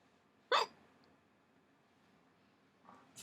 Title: Painful hiccups 20